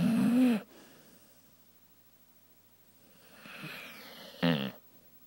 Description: My dog Macy snoring loudly during her morning nap.